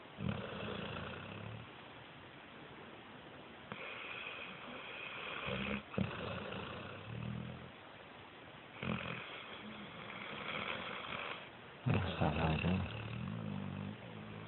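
Repeated low rumbling, snorting breath sounds in long stretches over a steady hiss: snoring.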